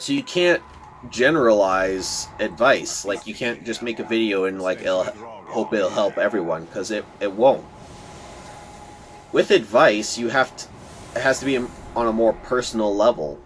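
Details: Stuttering in a speaker who says he stutters a lot; word repetitions are heard in this stretch.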